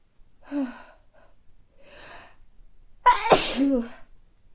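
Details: Two building gasps, then one forceful sneeze and a trailing breath, from someone with recurring mild colds over recent weeks, nose not very stuffy but feeling sneezy; sneezing.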